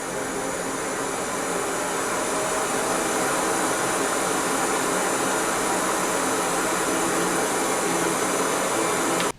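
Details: Steady, fairly loud whooshing blower hiss of an auto CPAP machine running with humidifier and hose attached and no mask, with no breathing or speech, recorded in a noise test measured by a phone app.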